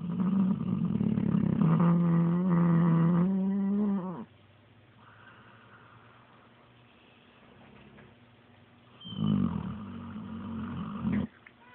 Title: Redd the Snoring Pitbull